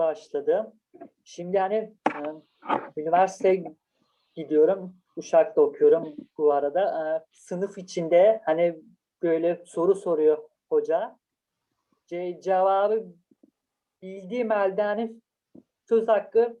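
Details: Stuttering in a university student.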